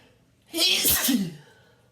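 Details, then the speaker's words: Repeated sneezing in an adult resting in a bathtub after being out in the rain, nose burning: a single loud, explosive sneeze with a voiced ending in a small room. "I'm waking up the neighbors with my loud sneezes. I gotta be quiet."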